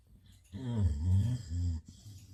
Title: snoring loud.🤣 #dog #cutedoggy #viral #youtubeshorts #